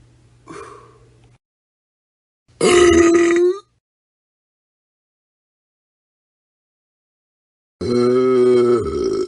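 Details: Burping from a royalty-free sound-effects compilation: three separate belches, two of them long and loud with a droning tone.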